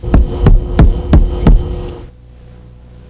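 Three evenly spaced percussion taps with a hollow, drum-like ringing tone between them, then a brief voice: a tympanic percussion note.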